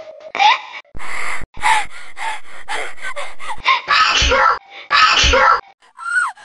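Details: Repeated sharp, voiced gasping inhalations by an adult woman in a flight attendant role build up into loud sneezes; a performed gasping sequence.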